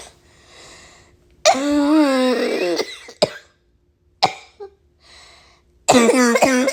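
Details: Cough attributed to bad allergies: harsh, strained coughing with drawn-out voiced hacks and noisy breaths drawn in between.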